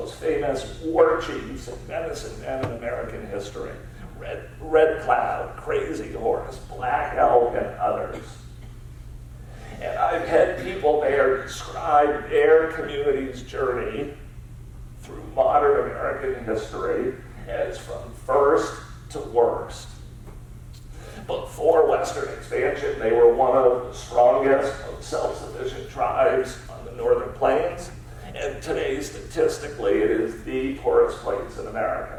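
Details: Spasmodic dysphonia, a rare neurological disorder affecting only speech with no known cause, in an adult man diagnosed about seven years earlier and treated with periodic Botox injections.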